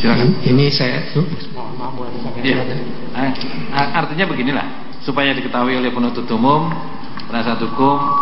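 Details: Adult man speaking Indonesian through a microphone; normal voice.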